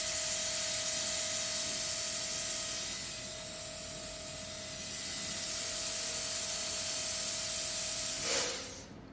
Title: KOUNGSUN 1:1 fiber optic contra angle dental handpiece/turbine